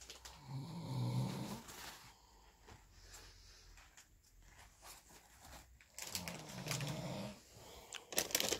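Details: A person sleeping at night snores loudly and steadily.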